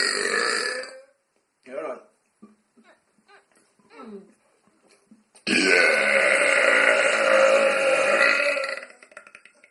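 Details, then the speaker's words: Deliberate belching without drinks, using stomach muscles trained for years and inhaling into the stomach: a long, loud voiced belch of about three seconds, with a shorter belch before it and small sounds between them. "I've been teaching my stomach muscles to extract and expand for years so doesn't hurt uh when I inhale in my stomach this makes insanely loud bursts"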